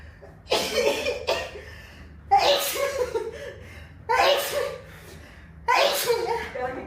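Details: Four sharp, explosive sneezes about two seconds apart from a girl, each with a brief voiced onset; sneezes from a compilation.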